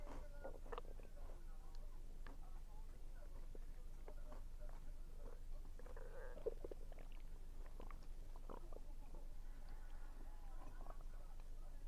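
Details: Stomach rumbling while eating, which the recorder attributes to low air pressure, with some chewing sounds: soft, low gurgles and rumbles coming and going over a steady low hum; bowel sounds (borborygmi).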